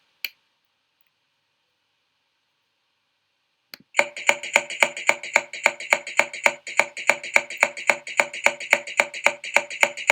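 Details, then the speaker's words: Hyperresonant percussion note: lower in pitch than normal resonance but longer and more intense, typical of areas with increased air content, as in emphysema, large air cysts, tuberculous cavities or pneumothorax. "Es característico de zonas donde el contenido de aire está aumentado. Se oye con facilidad, es usual encontrarlo en estos pulmones normales con una inspiración profunda y de manera patológica se puede encontrar en el enfisema pulmonar, los quistes aéreos voluminosos, las cavernas tuberculosas y el neumotórax."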